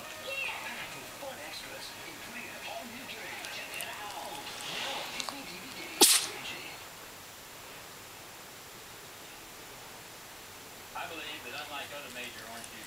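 A single sharp sneeze burst against quiet room noise and faint talk.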